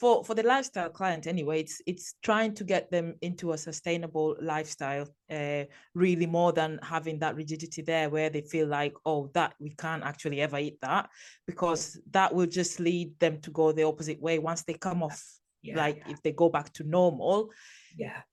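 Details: Adult speaker in conversation; normal speech.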